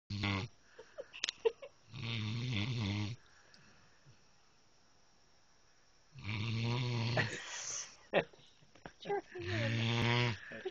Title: My dog snoring